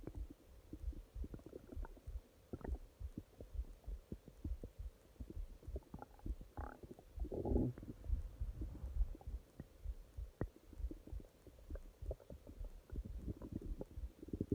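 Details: Stomach growling at night (part 2): irregular low gurgles, pops and a few longer rumbles of normal bowel sounds.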